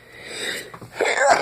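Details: Single sneeze from an adult with an allergic throat tickle, recorded during a session of sneezing and honking nose blows: a rising inhaled build-up, then an abrupt forceful burst of air through nose and mouth.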